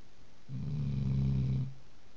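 One low, rumbling snore lasting about a second, with quiet room noise around it.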